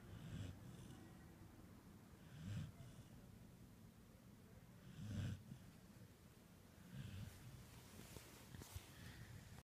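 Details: Snoring: soft, low rumbling snores repeating about every two and a half seconds, roughly 24 a minute, with faint room noise.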